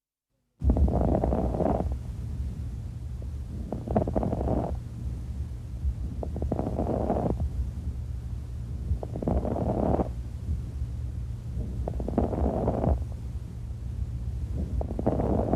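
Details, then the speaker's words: Crackles demonstration, explained as moisture or fluid in the airways, secretions moving or closed airways rapidly reopening, as in pulmonary edema, early congestive heart failure or bronchitis; crackles. "crackles are because of moisture some fluid is there okay many possible causes of crackles are pulmonary edema early congested heart failure crackles are heard in pulmonary edema congested coronary bronchitis"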